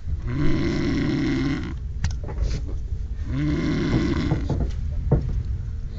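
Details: Person snoring on a train: loud, deep, rumbling snores on two breaths in, with noisy, sputtering breaths out; heavy snoring.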